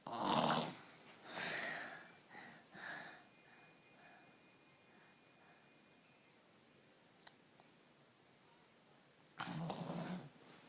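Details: 3-year-old child with strep throat snoring during sleep, usually bad and now worse: loud, rough snoring breaths separated by quieter stretches, noisy partly obstructed breathing; ENT visit considered.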